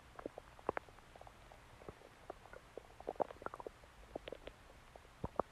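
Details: Stomach growling (borborygmi): frequent short gurgles, pops and squeaks from the belly.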